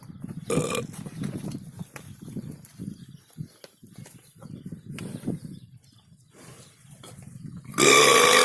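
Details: A cow burping: low, rumbling belch-like sounds with outdoor noise and a loud burst at the end; repeated burping (eructation).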